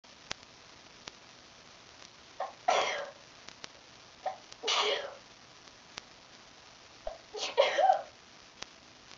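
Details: Three sneezes in a row, each with a brief in-breath before a sharp burst; a bout of repeated sneezing, a sneeze attack.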